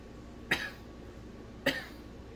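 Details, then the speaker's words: Nursing demonstration of a splinted cough after abdominal surgery, with a folded pillow held firmly against the abdomen: after deep breaths and a 3-second hold, two short, controlled coughs about a second apart. "So we're going to hold that up against our abdomen firmly. 2 slow, deep breaths. Inhale deeply, hold for 3 seconds, cough without inhaling 2 to 3 times."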